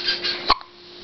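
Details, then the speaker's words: Baby boy with hiccups: a single short, sharp infant hiccup sound with faint room noise around it. "I'm going to have to pick him up better cuz hiccups are so fun."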